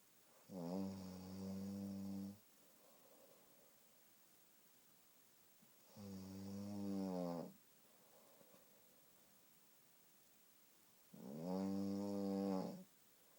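Three long, loud rattling snores on the in-breath, about one every five seconds, with quiet out-breaths between; ordinary snoring.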